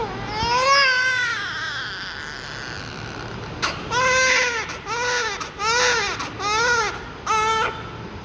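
Loud rhythmic newborn crying in short repeated wails with breaths between; an ordinary healthy cry.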